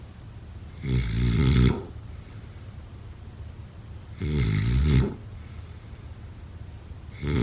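Deep, rattling snores on each breath in, roughly every 3 seconds, with quiet pauses between: snoring during sleep.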